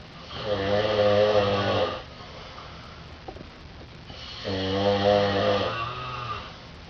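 Loud, buzzing snores on two inhalations roughly four seconds apart, with quiet exhalations between.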